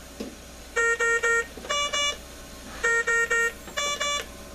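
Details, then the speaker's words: CareFusion AVEA ventilator on a test lung, pressure 32 with high pressure limit 40, student teaching setup: repeating groups of loud electronic tones, three then two, cycling continuously; high pressure alarm. "okay now we see up here we're getting a high pressure alarm so let's go into our alarm"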